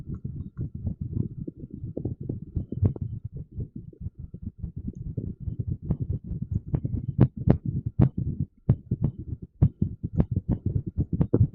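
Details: Irregular heartbeat sound, recorded with TENS (electrical stimulation) use noted.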